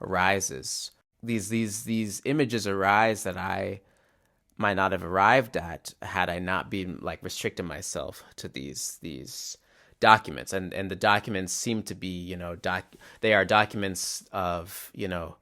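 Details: Adult male musician who stutters, describing his stutter as glottal blocks that often sound silent rather than repeated syllables; stuttering.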